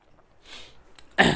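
Soft breathy throat noises, then one abrupt, forceful cough from an adult.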